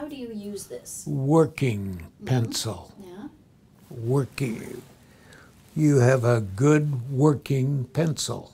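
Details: Man with stroke about ten years earlier, grasping the gist but not the exact question; Wernicke's aphasia.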